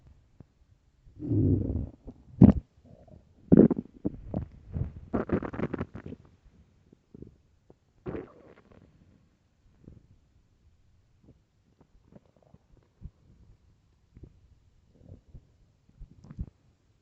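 Loud low gurgling and rumbling bursts from the belly, then softer scattered gurgles; ordinary stomach growling on an empty stomach.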